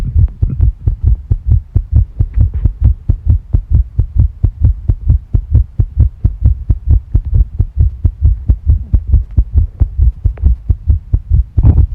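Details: Tachycardia with stomach sounds: fast, regular, deep heart thumps at about 130 beats a minute; heart rate increasing.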